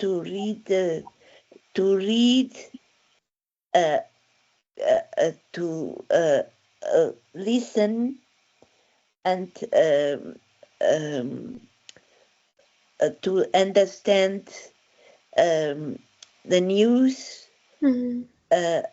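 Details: Adult woman with aphasia after a stroke in December 2016, with word-finding difficulty; real patient speech; aphasia.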